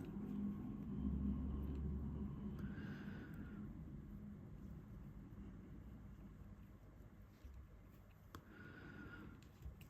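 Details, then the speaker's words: Low, continuous rumbling with a couple of brief gurgling tones over quiet room noise, from an adult's hungry stomach close to dinner time: stomach growling (borborygmi). "Sure you can hear my stomach growling because it's very close to dinner time here in the UK."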